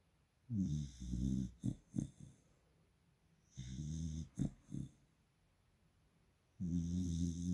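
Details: Springer Spaniel puppy (Phoebe) asleep: loud, deep rattling snores with short snorts between breaths, surprisingly loud for such a small pup; ordinary sleep snoring.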